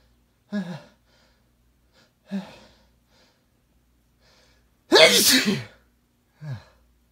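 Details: Adult male lying in bed, deliberately making himself sneeze: short nasal sneeze-like bursts, then one loud full sneeze with a sharp explosive release; sneezing episode.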